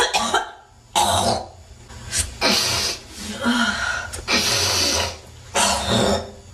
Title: Girl coughing 271